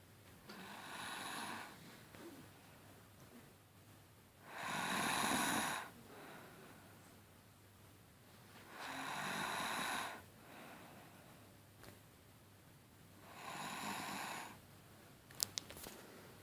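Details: Betty snoring: rhythmic, rattling snores on each in-breath, about 14 breaths a minute, with quiet out-breaths between.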